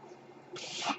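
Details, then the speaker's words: Airflow of the podcaster's own mechanical ventilator, which he points out while speaking: low room noise, then a sudden rising breathy hiss as a breath is delivered. "Hello, everyone. My name is. And that noise you're hearing is my ventilator."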